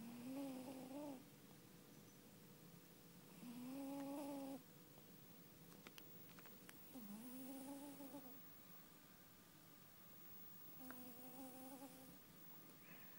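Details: Slow, drawn-out rattling breaths with a buzzy, faintly tonal quality, widely spaced; snoring in a sleeping cat.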